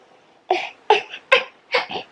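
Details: Four short, high-pitched, wet coughs from an infant with a common cold shared by the family, in a quiet room; the mother calls it a croup cough; cough (common cold).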